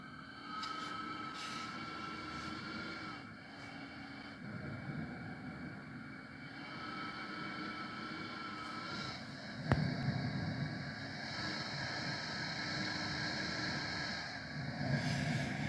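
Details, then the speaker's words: Faulty ResMed AirSense 10 CPAP with humidifier tank: steady hum with a thin whistle during inhalation, not exhalation, starting 2.5–3 hours into use every night; owner attributes it to the machine, not the mask or hose. "so if your machine's making a whistling noise and this whistles when you're inhaling not when you're exhaling at least this one does"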